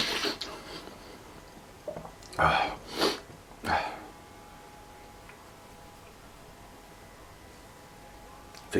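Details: Three forceful, sharp, explosive sneezes in quick succession, then quiet; described as a bad, painful, headache-inducing, non-stop sneezing fit. Sneezing.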